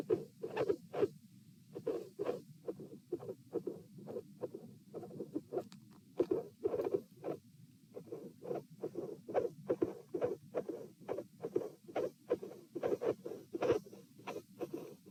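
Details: Dilated aortic root, recorded at position P while lying, sitting and standing, 66–72 bpm: irregular rhythm with midsystolic murmur and cyclically split second heart sound, near 70 a minute.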